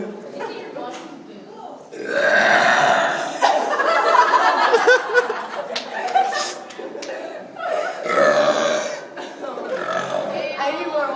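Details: Long, loud, deliberately forced burps in a burping contest between two people, with talk and laughter from a group in the background. Burping.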